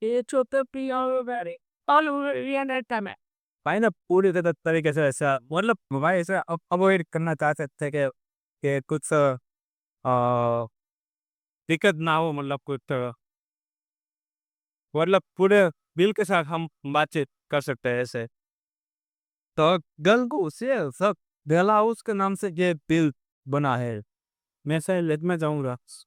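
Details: Real stammering (stuttering) in a male vlogger on day 27 of his stammering-control journey, using pausing and pacing techniques while speaking live on a ferry; a background-noise-removal filter altered his voice.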